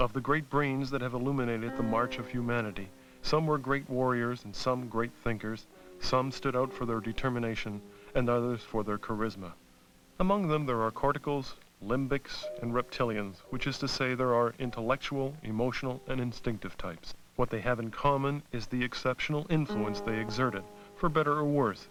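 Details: Adult male narrator; normal speech.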